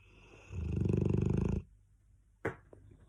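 One loud, low, rattling snore lasting about a second, followed by a soft breath noise and a brief click.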